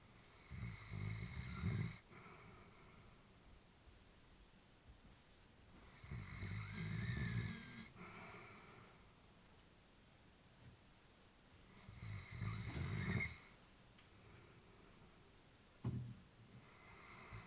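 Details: Elderly female Labrador sleeping: slow, low rumbling snores on each breath, about 10 a minute, with quiet pauses; ordinary sleep snoring.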